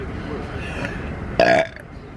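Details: Loud, short, voiced burp over room noise and faint voices; an ordinary belch.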